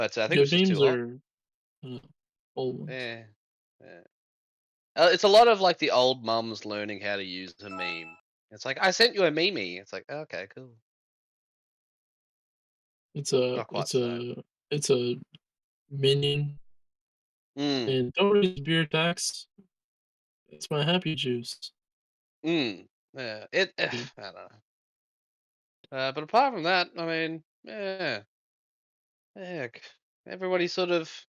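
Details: Adult man who states he has a stutter, speaking naturally as a podcast guest; finding: stuttering.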